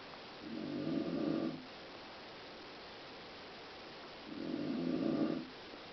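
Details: Adult woman (mother) snoring: two low, rattling snores on breathing in, separated by a quiet pause of about three seconds; ordinary snoring.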